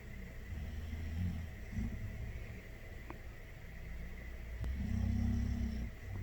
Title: My dog kiing snoring. Yes he's asleep.